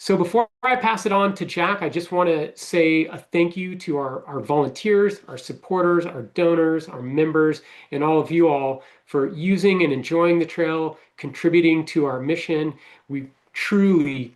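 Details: Adult speaker; normal voice.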